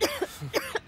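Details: Two short, slightly wet-sounding coughs acted by a man in a cough syrup TV commercial; acted cough, not real illness.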